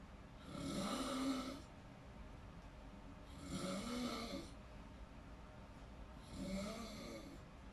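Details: Snoring in deep sleep: three long, rattling breaths about every three seconds, roughly 21 a minute, each a low fluttering snore of a sleeping adult.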